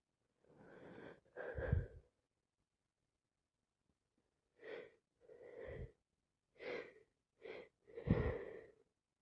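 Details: Person with a cold: several breathy, voiced sneeze-like bursts with inhaled build-ups in a quiet room; repeated sneezing.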